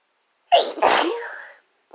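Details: Single forceful sneeze, a sharp in-breath catch then explosive burst of air, in a sneezing fit induced by chhinkni (sneeze-inducing snuff), female and male participants.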